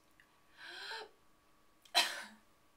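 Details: Demonstrated supraglottic swallow in a vocal fold paralysis therapy scene: soft breath in, breath held, quiet swallow, then one sharp cough before breathing again. Supraglottic swallow technique.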